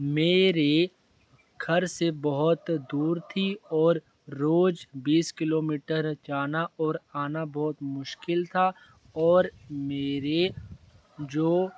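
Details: Stuttering in a young man, present since his school days, that was once severe enough to block even single words; doctors and medicines did not help, and it has lessened but persists; whole-phrase repetition heard.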